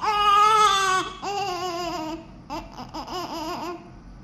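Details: Newborn baby just after birth: loud, high-pitched wailing cries tapering into shorter whimpering bursts; a strong, normal newborn cry.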